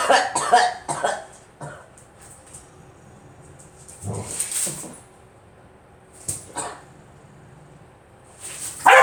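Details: A girl coughs repeatedly in short clusters of sharp bursts, separated by quiet pauses; cough.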